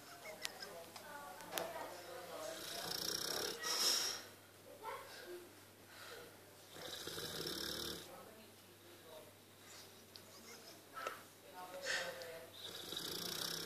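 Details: Breathy, whistling, snuffling snores with some nasal squeaks over room noise, from a sleeping boxer dog.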